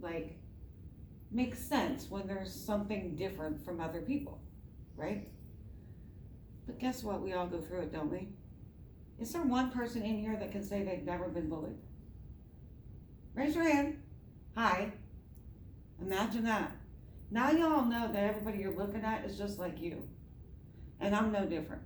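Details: Adult woman with myasthenia gravis since age 7 (about 45 years), palate not working so air escapes through the nose, reading a passage apparently without her custom palatal device; hypernasal speech.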